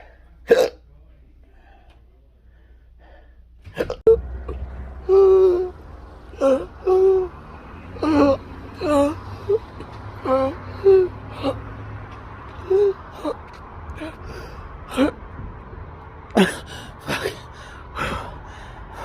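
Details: Adult in a cancer study with intractable hiccups and choking spasms: repeated sharp voiced hiccups with gulping catches, about a dozen in quick succession.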